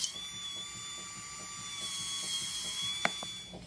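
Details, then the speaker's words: Steady high whine with faint grinding and ticking from a cutting drill creating a burr hole in the skull of an intubated patient during interventional MRI-guided deep brain stimulation surgery, after incision and retractor placement. "after a retractor is positioned a b hole is created with a cutting drill"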